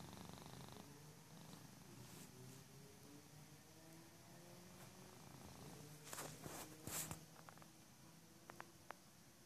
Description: My male persian cat snoring